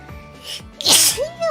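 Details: A double sneeze: a quick intake of breath, then a sharp, hissing sneeze burst, with music in the background; ordinary sneezing.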